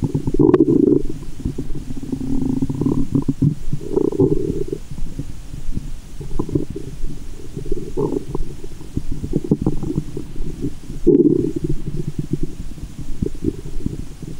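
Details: Loud, long gurgling rumbles with sloshing over low background noise, picked up by a GoPro and stethoscope in the belly button after candy and fizzy Japanese soda while belly waves are made; active bowel sounds.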